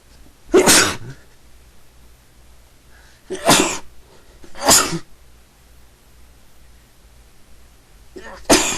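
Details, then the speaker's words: Repeated sneezing fit in a person who reports sneezing all day and being unable to stop: four sharp sneezes in under nine seconds, each preceded by a quick intake of breath. "Sneeze again. I can't. I've been sneezing all day. Can't stop."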